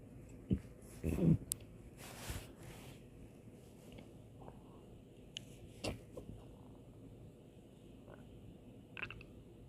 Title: MetroPCS's Empty Stomach Rumbling